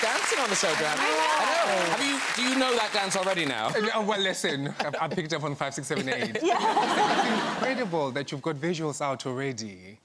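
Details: Adult speaker; typical voice.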